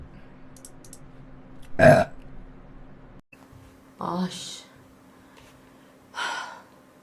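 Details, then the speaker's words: Korean livestream burping, streamer attempting a big burp: several short, forceful burps, some deep and voiced, over a steady low room hum. "그리고 트름 크게 한번. 트름 크게 도전."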